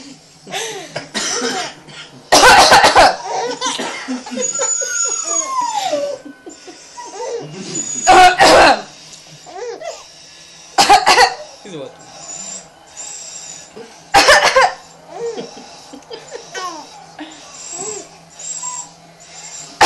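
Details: Four loud, deliberate voluntary (fake) coughs from a mother, each followed by a young child's bubbling laughter and giggles.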